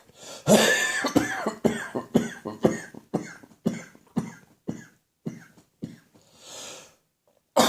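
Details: Adult morning coughing fit as overnight throat catarrh runs into the chest, during a slowly improving cough: about a dozen loose, chesty coughs fading, then a deep in-breath; productive cough.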